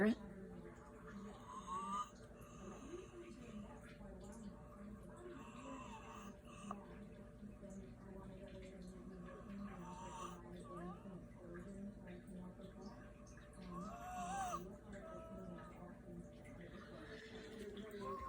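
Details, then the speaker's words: Chicken (hen) majorly wheezing with raspy, snoring-like breathing and brief squeaky whistles; no runny eyes or nasal discharge; something had been applied to her; wheezing. "She doesn't have runny eyes or snotty nose or anything. She's just majorly wheezing."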